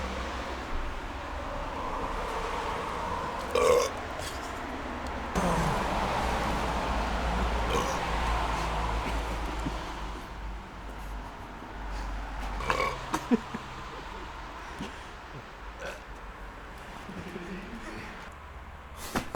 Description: Burping at the Belching Station